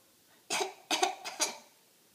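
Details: Three harsh, rough coughs in quick succession in a small quiet room; a bad cough.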